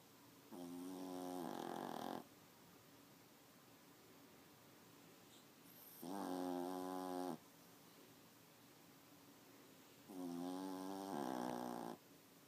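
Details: Dogs snoring; three slow, droning snores, each lasting one to two seconds, repeating about every four seconds against a steady room hiss.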